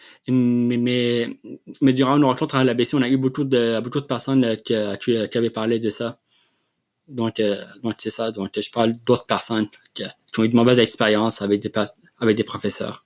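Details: Adult man who has stuttered since childhood, with a history of speech therapy interventions; real: stuttering.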